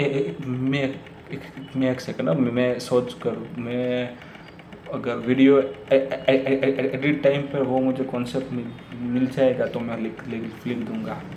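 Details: Hindi speech from a male presenter with his own real stammer, which he says worsens with overthinking before speaking; he notes stammering on words like "overthinking," with revisions and restarts; stuttering.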